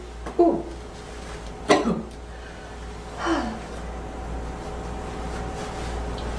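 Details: Girl producing deliberate dry coughs: three separate dry coughs over a steady room hum; voluntary cough.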